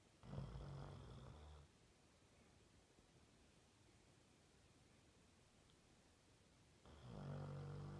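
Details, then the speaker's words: 18-month-old Labrador asleep: two low, rattling snores about five seconds apart, with quiet breathing between them; snoring during sleep. "Max, stop snoring. Max, stop snoring. Max, stop snoring."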